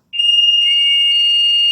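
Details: Loud, sustained high-pitched electronic tones with a short pitch shift from a HeartMate II LVAD controller running its self-test, in a patient with the device for 2 years; likened to a computer boot-up sound.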